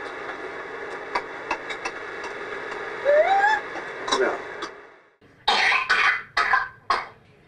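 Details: Whooping cough (pertussis) in a 2½-year-old child: a coughing fit of harsh coughs with a high-pitched drawn-in whooping breath.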